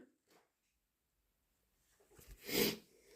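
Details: Induced sneezing from a cat allergy: a quick intake of breath, then one sharp, explosive sneeze in a quiet room.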